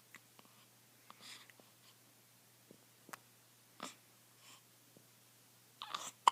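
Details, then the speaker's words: Newborn baby boy, 8 days old, with hiccups: about eight brief, soft, sharp catches at irregular intervals, with small breaths and rustles in a quiet room. "people are gonna think you always have hiccups."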